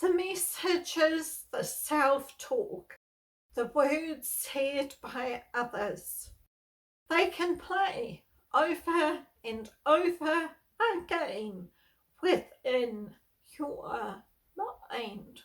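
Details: Adult woman with spasmodic dysphonia, a neurological voice disorder she has lived with for over 38 years; she reports stress worsens her voicing and speaking.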